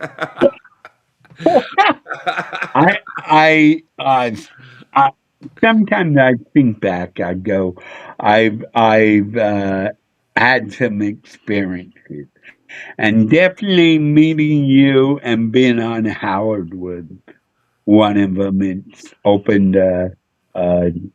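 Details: Adult male with a neurological problem; MRI showed an underdeveloped back of the brain; head hit a dashboard in a car accident when younger; slurred speech mistaken for drunkenness (speech impediment).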